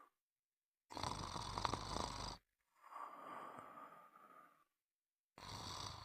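Harsh, rough snoring noises on breathing in, then a softer rush of breath out, in a quiet room; snoring.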